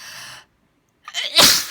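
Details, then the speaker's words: Person repeatedly saying they are about to sneeze: a brief pause, a quick in-breath, then one loud, explosive, hissing sneeze. "Gonna sneeze. I think I'm gonna sneeze again. Gonna sneeze again, I think. Yep."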